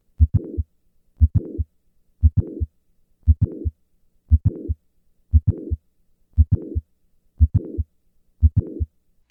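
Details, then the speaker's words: Mitral valve prolapse, regular rhythm near 58/min: sharp mid-systolic click then late systolic murmur. Heard at rest, during hand grip and after release; hand grip moves the click later in systole. Click-murmur. "listen to the change in the S1 click interval during a hand grip maneuver rest hand grip release"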